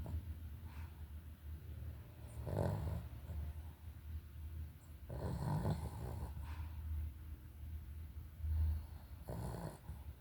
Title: Minha cachorra tirando um cochilo e roncando é certo